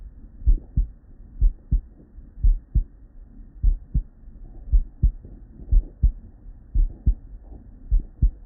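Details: Real, unedited bedside recording from a human with normal cardiac physiology: steady lub-dub at about 60 a minute with no extra sounds, normal first and second heart sounds.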